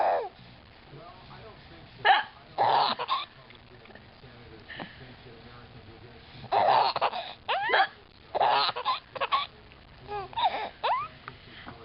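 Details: Mother's hiccups while her child laughs at them: short, sudden voiced catches recurring every second or two among quiet talk and laughter.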